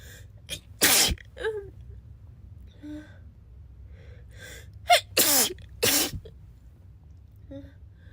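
Three sharp, explosive sneezes, each preceded by a quick intake of breath; brief voiced sounds between them.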